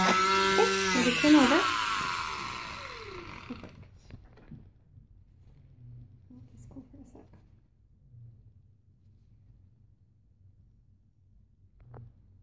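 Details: Oscillating cast saw removing a patient's final, tight arm cast with cotton padding beneath. A loud high-pitched electric whine falls in pitch as the blade loads, then fades to quiet room noise.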